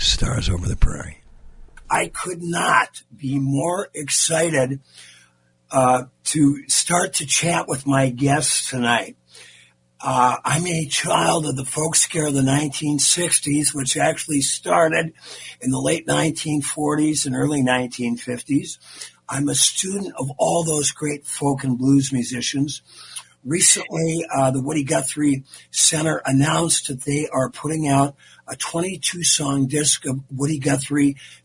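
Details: Dysphonia in a man who recently lost a vocal cord, a former singer; he states the loss was not caused by the polio he had in 1948.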